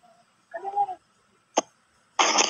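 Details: Adult woman coughing during an online ruqyah session, reportedly coughing all day from morning to morning: a voiced throaty sound, then a short sharp cough and a longer harsh cough burst in a quiet room.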